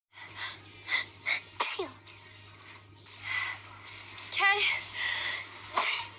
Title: Sneezes Pt.9